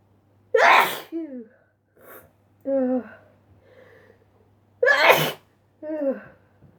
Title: Sneezing Induced by Dust Again